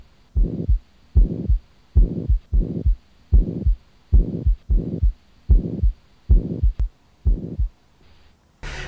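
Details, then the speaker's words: French bulldog heard through a stethoscope, regular heartbeat about 75 a minute with a whooshing sound between beats (lub-whoosh-dub), suggesting valve problem, likely bicuspid insufficiency, but left to a cardiologist: heart murmur. "If you hear something like a lub, whoosh, dub, lub, whoosh, dub, then there obviously is something wrong with a valve, a myocardium."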